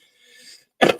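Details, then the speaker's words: A single short, harsh cough burst from a man, a smoker trying to quit, with beginning-stage COPD and chronic bronchitis diagnosed by his doctors. "I have what my doctors describe as a chronic bronchitis you will hear me cough every now and then here's my"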